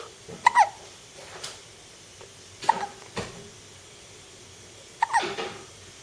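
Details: Hiccups: three sharp, brief voiced catches a couple of seconds apart, each with a small follow-on sound.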